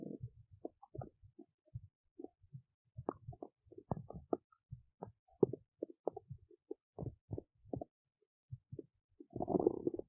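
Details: Adult belly digesting oats: frequent irregular gurgles and squelches, ordinary bowel sounds of digestion.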